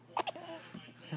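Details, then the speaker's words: Newborn girl, just after birth, with hiccups: two quick, sharp, high-pitched squeaks like a small dog's or chihuahua's yelp, then quiet room noise. "You got the hiccups. You sound like a little chihuahua."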